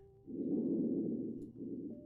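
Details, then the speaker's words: Soft, low rushing breath sound over the right upper lobe in a simulated post-operative patient (vSim), judged normal, followed by brief speech; normal breath sounds. "Let's listen to these lung sounds. One here that sounds good. This is the right upper lobe. Sounds normal, I guess."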